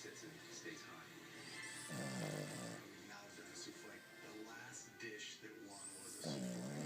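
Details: Boston Terrier dog snoring while asleep, showing his teeth: two rough, rattling snores about four seconds apart, with television talk and music in the background.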